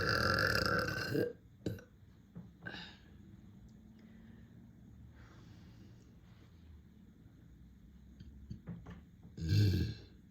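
Two deep, loud belches, one at the start and one near the end, with quiet room sound between them.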